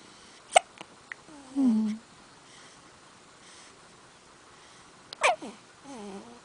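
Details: Young child's hiccups, heard while the mother talks to him: two abrupt sharp hiccup catches, each followed by a brief falling vocal sound.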